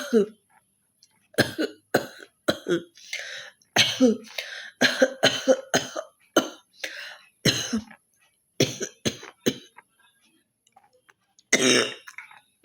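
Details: Adult woman with a slight cough deliberately performing a coughing challenge: about fifteen forceful, harsh coughs and throat-clearing hacks with short gaps, television in background; acted cough.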